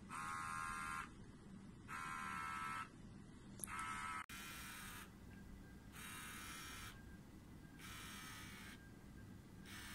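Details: Regular on-off electric buzzing in roughly one-second bursts from a running XB-500 micro syringe pump, used for home Desferal infusion in thalassemia.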